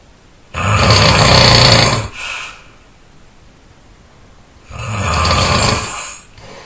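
Very loud, harsh, rattling snores on breathing in, each lasting over a second, with quiet breathing out between; heavy snoring.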